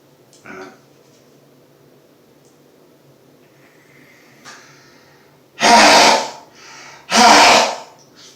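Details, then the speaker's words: Adult man sneezing repeatedly before sniffing pepper, recorded 26 August 2020 while already sneezing a lot that day: two loud, explosive sneezes about 1.5 seconds apart, each preceded by a sharp intake, described as coming "from my toes." "loud they're loud today that's a big one oh god that comes from my toes all the way up"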